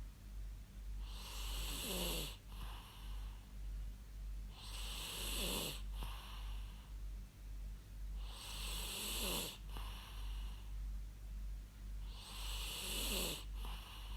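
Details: Real human snoring recorded for use as white noise: four regular rumbling snores on inhalation, about 16 a minute, over steady low background hum.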